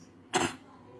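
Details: Single short, dry cough from a child, produced on request during a consultation; habit cough, reportedly throughout the day, less in the evening and sleep.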